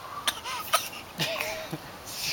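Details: A young girl gives several short, light, deliberate coughs on request, a playful imitation rather than an illness cough; a voluntary fake cough.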